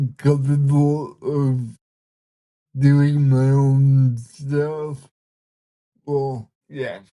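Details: Man with cerebral palsy, speaking in a real conversation; dysarthria (cerebral palsy).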